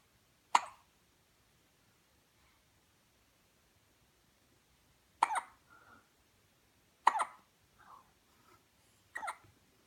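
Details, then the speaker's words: Sharp, brief clicking gulps recurring at irregular intervals, each followed by a soft breath: hiccups in a dog. "What you thinking about, huh? How annoying hiccups are? I know."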